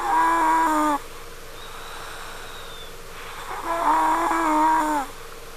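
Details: Daughter snoring in sleep, heard from downstairs: two long, high, whistling, tonal snores, almost cry-like (like a crying baby or a cat), separated by a quiet pause; snoring.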